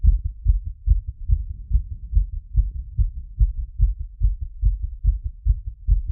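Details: Heartbeat auscultated with a stethoscope after a workout and squats: fast, regular, low thumps at about 140 a minute; raised heart rate after exercise.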